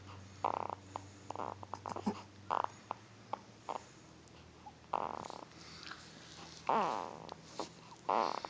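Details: Sleep grunting and snoring from a hard-asleep 2-week-old newborn boy: soft, squeaky grunts and snorty snores in short bursts about every second through quiet sleep breathing.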